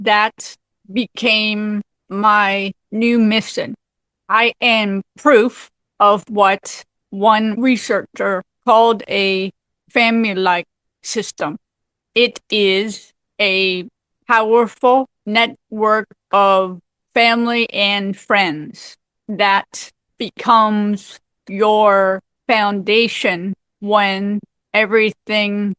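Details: Aphasia with apraxia of speech in a woman 18 years after a severe stroke at age 44.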